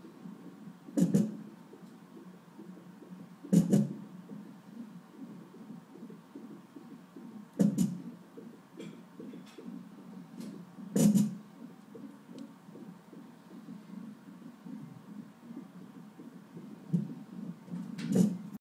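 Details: Fetal hiccups at 38 weeks of pregnancy recorded on a tocograph: sharp rhythmic thumps every few seconds over the steady monitor whoosh.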